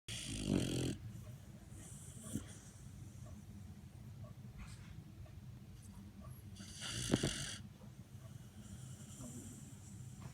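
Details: Labrador dog snoring in sleep: two low rumbling snores separated by quiet breathing, over room noise.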